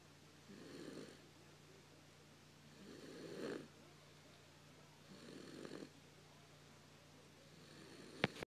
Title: Grandson snoring